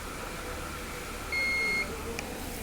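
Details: Maxima non-invasive BiPAP ventilator demonstration: a single steady electronic beep lasting about half a second over a quiet room hum, sounding when the treatment is stopped by pressing a button for three seconds.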